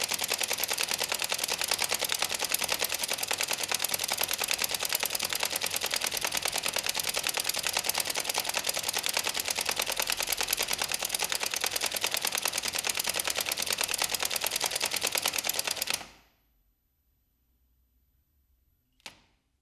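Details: Rapid, gritty clicking and scraping for about 16 seconds, the sound of teeth grinding together in bruxism.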